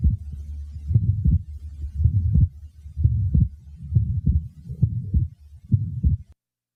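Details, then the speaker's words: A patient with an atrial septal defect: regular heartbeats near 66 a minute, with a widely fixed split second sound preceded by a murmur. "the following example demonstrates a widely fixed split second sound this was taken from a patient with an atrial septal defect concentrate only on the second sound and try to ignore the murmur which precedes it"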